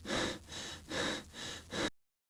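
Quick, heavy, noisy breaths in and out follow one another closely in a simulation: the rapid deep breathing of exercise, a normal response.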